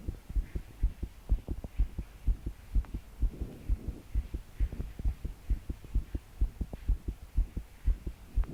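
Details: 22-year-old woman trying to calm her heart to fall asleep, her body shaking with each beat: a strong, regular, fast pounding heartbeat at about 125 beats per minute, with soft breaths and background rain noise.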